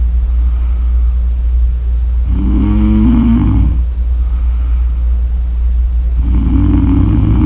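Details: Loud rattling snores on breathing in, two in about seven seconds, over a steady low background rumble; snoring during sleep.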